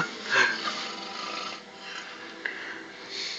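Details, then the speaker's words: Sleeping man who denies snoring: raspy, fluttering flapping noise, harsh choke-like bursts at start and end with quieter breathing between; loud snoring, not teeth grinding. "He says he doesn't snore. What the fuck was that? Kind of like a choke."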